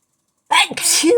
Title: working through a sneezing fit